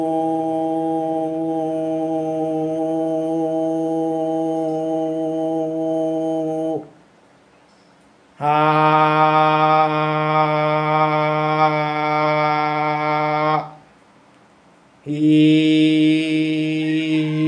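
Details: Man with a high-pitched voice since childhood, after voice therapy, producing vowels, 'om' and repeated 'ka-ta-pa' syllables; normal male voice pitch after puberphonia therapy.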